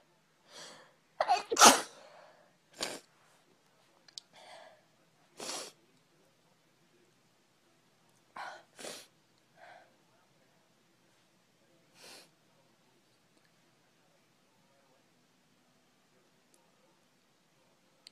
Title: sneeze girl